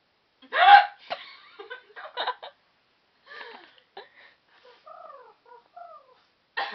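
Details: Person with repeated hiccups: loud, abrupt squeaky catches in the voice, likened to a rooster, mixed with laughter and brief talk; hiccups.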